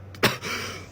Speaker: I'm ripping a blinker and then immediately trying to sing Daisy Bell without coughing.